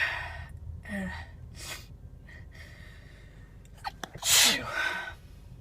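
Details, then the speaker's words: Adult female sneezing while driving in a car, looking for a parking spot and trying to pull over: a sharp inward gasp, then one forceful sneeze with soft breathing around it. "started sneezing. Sneezing. I try to pull over. I did pull over, but Phew."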